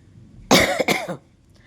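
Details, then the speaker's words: Two quick, harsh cough bursts from an adult with several days of severe cough, phlegm and throat infection. "നല്ല ചുമയാണ് കേട്ടോ, കുറച്ച് ദിവസമായിട്ട് ഭയങ്കര ചുമയും കഫക്കെട്ടും, അതിൻ്റെ കൂടെ തൊണ്ടയിൽ ഇൻഫെക്ഷനൊക്കെ ആയിട്ട് മൊത്തം പഞ്ചറായിട്ടിരിക്കുകയായിരുന്നു ഞാൻ."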